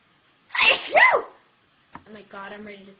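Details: Young woman who announced she was about to sneeze: a double sneeze, quick inward catch then two forceful bursts, followed by a brief voiced sound.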